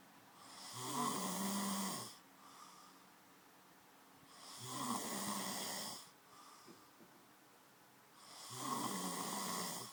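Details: An adult man snoring in his sleep who doesn't believe he snores. Rasping snores come about every four seconds, roughly 15 a minute, with soft breathing between them.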